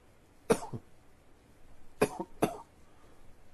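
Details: Three short, sharp, dry-sounding adult coughs, one alone then a quick pair, each with a brief rough tail.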